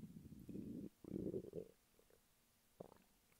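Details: Hunger stomach rumbling from a man lying flat on his bed; borborygmi.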